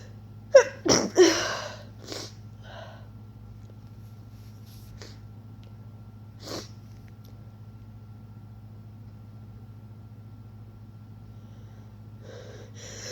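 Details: Person coming down with a cold, inducing sneezes and trying to stifle them: a quick run of muffled, held-back sneezes, some not fully stifled, then quiet breathing over steady background hum.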